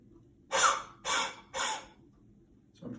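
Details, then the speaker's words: Three forceful open-throat breaths out after a deep abdominal breath, breathy huffs with no cough sound: the huff technique demonstrated to loosen deeper mucus in chest infection or COPD. "so the haha breath will loosen the mucous particularly deeper in the lungs and then Koff can force it up"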